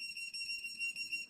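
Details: Steady high electronic beep from a Woodpecker Fi-P cordless gutta-percha obturation pen, used in endodontics, signalling it has reached operating temperature.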